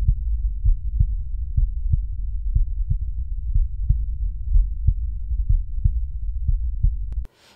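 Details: Cardiac auscultation teaching demonstration over valve auscultation foci: steady low heart thumps, regular rhythm, about 60 a minute; normal heart sounds.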